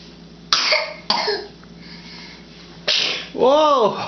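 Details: Cat sneezing: two abrupt, explosive sneezes, then a short whining vocal sound, with quiet room noise between.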